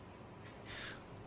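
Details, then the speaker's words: Normal breath sounds heard by stethoscope during an OSCE thorax and lung examination as the patient gently breathes in and out: a single soft, airy breath over low room hum, with no wheezes or crackles. "I'll assess if the normal breathing pattern sound is okay or not, or if there any adventitious sound present or not."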